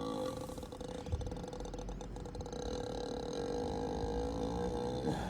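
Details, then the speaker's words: Ox (boi) in Brazil snoring: long, deep, steady rumbling drone, a low snore-like groan sustained through each breath; snoring. "Você sabia que um boi como esse aqui, ó, como o Bastião, ele pode roncar mais que você?"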